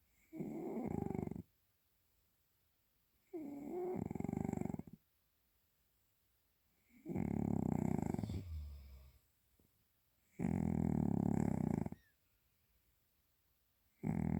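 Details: A sleeping cat gives very deep, loud, rumbling snores on each in-breath, about four in 14 seconds, in a quiet room. This is ordinary feline snoring.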